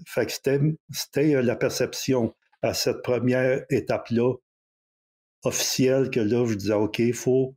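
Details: Stuttering in a 64-year-old recently retired adult who decided to change his relationship with stuttering after retirement; speaking French.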